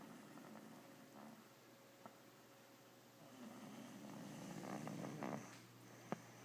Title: Snoring little girl